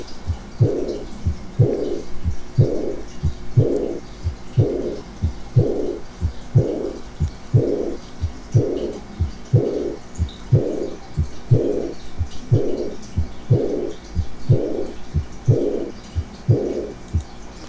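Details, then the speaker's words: Aortic regurgitation, regular about 61 a minute: first heart sound, very attenuated second sound, then a blowing early diastolic decrescendo regurgitant murmur. "escuchen el primer ruido cardíaco un segundo ruido cardíaco muy atenuado y luego el soplo proto diastólico decreciente de reflujo"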